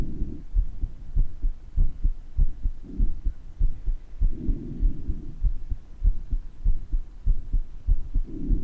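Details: Self-recorded recording of the person's own heart murmur: regular heartbeat around 98 a minute with a soft whooshing murmur and rising and falling breath sounds; the murmur is clearer in some parts of the recording.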